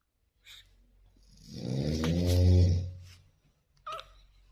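One drawn-out, low rumbling breath noise from a sleeping newborn, with soft sounds before and after; snoring.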